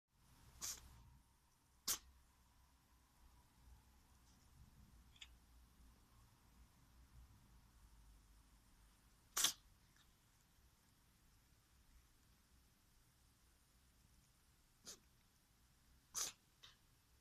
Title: Cold cat funny sneezing